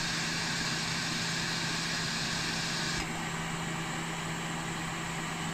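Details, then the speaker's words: Cough assist (mechanical insufflation-exsufflation) machine on preset 2 mimicking breath stacking: 40 cmH2O inhale for 5 s, 5 s exhale, 5 s pause while the patient breathes, then another breath; steady blowing hum, then a drop at the phase change. "tony's allowed to breathe during this phase then it gives another breath"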